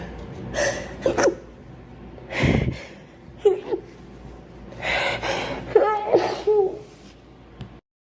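Several sharp sneezes, each with a quick indrawn breath before the burst, in a quiet room; ordinary sneezing.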